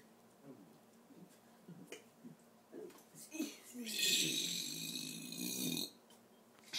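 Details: Soft low grunting sounds with a longer raspy burp near the end, over faint room noise, from someone burping their ABCs on request; burping.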